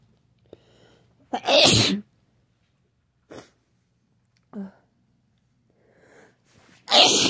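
Two forceful sneezes with short breaths and sniffs between them, from someone with a cold.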